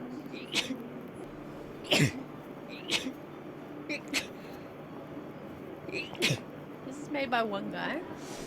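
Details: Girl who mentions having bad allergies: a rapid run of about six short, sharp sneezes, with faint room noise; sneeze.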